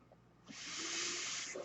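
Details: Real recording of a podcaster's own mechanical ventilator, its breath sounds audible in the background while he talks.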